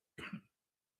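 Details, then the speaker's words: Single short, harsh cough from a 44-year-old man in a quiet room while talking; he says he is getting over a little cough, a lingering cough from a minor illness. "excuse me, getting over this little cough."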